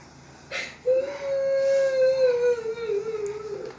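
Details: Infant son crying, reportedly upset at seeing his mother cry: a brief sob, then a sustained steady wail slowly falling in pitch; infant crying.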